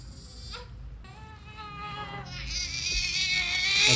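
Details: High-pitched, strained infant crying that builds in loudness and intensity, from a baby with severe gas whom the parents could not burp; distressed crying in a colicky, gassy baby.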